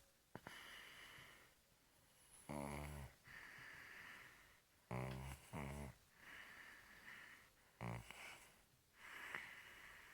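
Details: Three short, low, buzzing snores separated by quieter breathing in a small room, from a sleeping baby girl; infant snoring.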